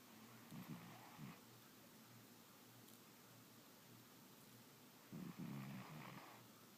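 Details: A sleeping cat snoring: low, rattling snoring bursts in two clear episodes, separated by quiet breathing and faint room hum; ordinary feline snoring.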